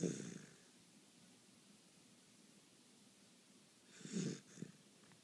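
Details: Sleeping, snoring: soft snuffling snore-like breaths, one at the start and another near the end, separated by quiet; light snoring during sleep.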